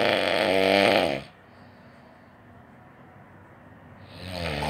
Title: Best snore ever